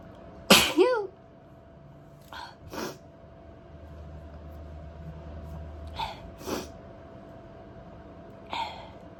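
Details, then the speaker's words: One loud, explosive sneeze followed by several softer sneezes and snorting bursts, deliberately induced by tickling inside the nose with a cotton bud (q-tip), sneezing uncovered; repeated sneezing. "i am sneezing uncovered but i'm the only one here thank you when i induce i've noticed i normally only sneeze like once"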